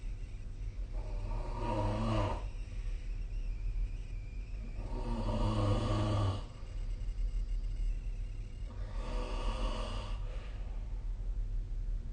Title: 🐽 いびきの音 / Snoring Sleep Sound 2025/05/31